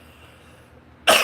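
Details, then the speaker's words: A single short, harsh cough burst from an adult who says they are sick and sound like a smoker, after quiet room noise. "Oh my God, I sound like a smoker with this cough."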